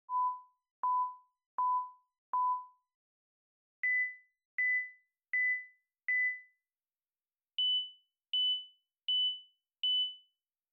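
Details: Tinnitus pitch-matching test: pulsed sine-wave tones from 1 to 16 kHz in 1000 Hz steps, short pure beeps in groups of four, each group a step higher in pitch.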